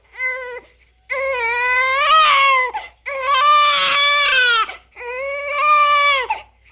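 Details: Newborn baby crying: repeated loud, high, tonal cries with brief breaths between, normal vigorous newborn crying.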